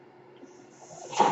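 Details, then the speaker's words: Home mechanical ventilator noise heard during a podcast recording by its user; a low steady hum builds into a brief rising rush of air as the ventilator delivers a breath. "that noise you hear is my ventilator."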